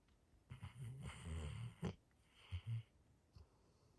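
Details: Labrador Retriever snoring while asleep: low, rumbling snores with snorty breaths in a quiet room.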